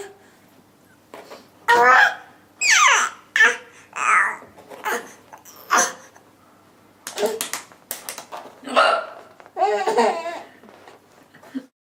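Sharp, abrupt voiced catches recur among bursts of laughter, fitting repeated hiccups.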